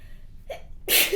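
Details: Sneezing with a runny nose: a quick indrawn breath, then a single sharp, hissing sneeze.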